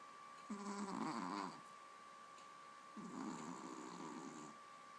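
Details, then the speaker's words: Dog Ava in deep sleep snoring loudly: two rattling, fluttering snores with quiet pauses between. "Are you tired? Aww. Mama loves you. You're snoring so loud."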